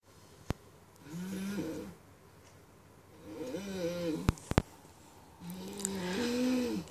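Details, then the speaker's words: 36-year-old, 75 kg woman snoring at 2 a.m., heard from about 2 meters away: loud, droning snores with a deep, lowing, almost musical tone, three in about seven seconds, likened to a cow. "2 a.m. here and I can hear my nanny snoring here in Singapore. We're like 2 meters away. Oh my god, this is crazy. She sounds like a crazy cow."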